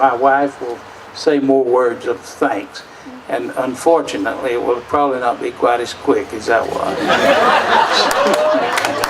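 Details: Adult man speaking; Ordinary speech.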